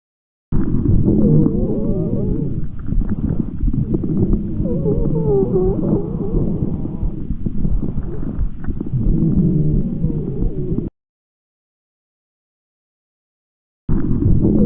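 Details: Adventitious breath sound on stethoscope auscultation, loud rough rumbling noise running through the breathing, labelled by agreement of at least 8 of 10 respiratory specialists.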